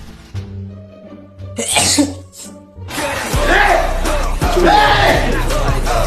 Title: 😂Bangtan sneezing 🤧wait 😁 💜#shorts #bts #btsarmy #kpop #korea #youtube